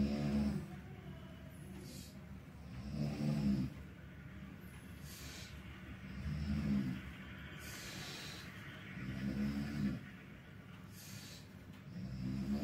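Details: A snoring neighbour heard through a hospital curtain: low rumbling snores about every three seconds, roughly 19 a minute, with quieter breathing between them.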